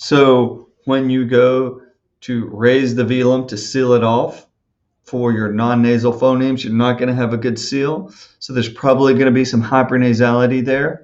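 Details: Adult male speaker; normal speech.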